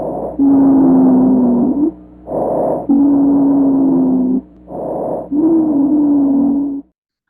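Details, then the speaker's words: Expiratory wheeze in bronchial asthma, heard on stethoscope auscultation: a steady, low-pitched musical wheeze through each long breath out. "अब हम सुनते हैं कि expiration के time पे जो व्हीजिंग साउंड होती है वो किस टाइप की होती है।"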